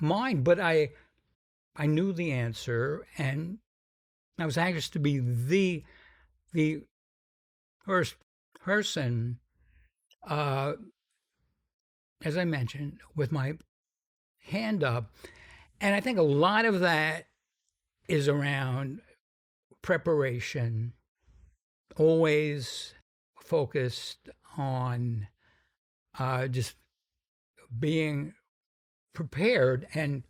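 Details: Stuttering in an adult man described as having a pretty strong stutter, more than almost any other guest; he says its severity varies.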